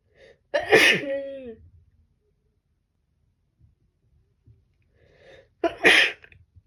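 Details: Two full sneezes about five seconds apart from a female with a cold, each with a quick in-breath then a loud burst; cold sneezing.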